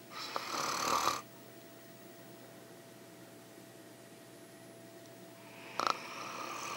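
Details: Adult woman snoring: loud, rough, fluttering snore on an inward breath, then a long quiet pause before the next snore, over a faint steady room hum.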